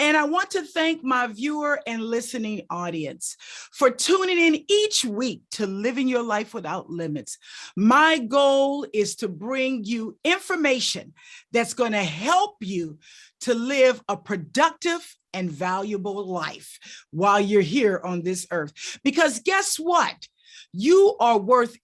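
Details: Adult woman speaking; normal speech.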